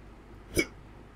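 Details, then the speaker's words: Adult hiccuping continuously for three days despite trying every remedy, restarting on waking: a single sharp, brief hiccup, a quick involuntary catch of breath in a quiet room. "so uh it might not have have been apparent but for the past three days i've had the hiccup hiccups"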